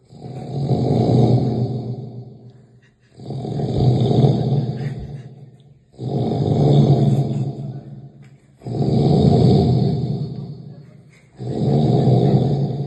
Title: Heavy sound snoring